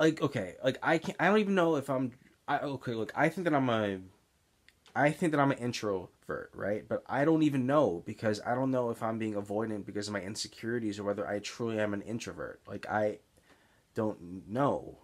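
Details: Stuttering in an adult man with Tourette's syndrome, disfluent since middle school, mainly blocks heard as excess pausing mid-sentence, with particular trouble on S-initial words; real blocks while speaking.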